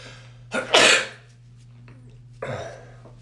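Two harsh bursts of air from the throat, a strong one then a softer one, with a steady low hum in the room: coughing.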